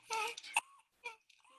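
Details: Inspiratory stridor from laryngomalacia, a congenital laryngeal collapse, in a child with retractions; a characteristic high-pitched noise on inspiration.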